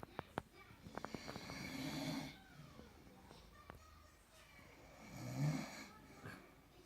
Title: Dad snoring